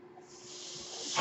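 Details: Steady airy hiss building over about a second, like a delivered breath: noise from the speaker's own mechanical ventilator, heard as they talk.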